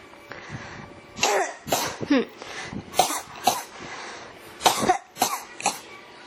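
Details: Persistent, non-stop cough (ASMR recording): a run of about ten coughs in quick succession with brief gaps over faint background noise.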